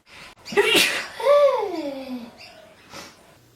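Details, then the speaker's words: Person straining to get a sneeze out gives a single forceful sneeze with a drawn-out voiced trailing sound, then a soft breath in a quiet room. "I hate sneezing. Come I have to sneeze. Uh trying to get it out."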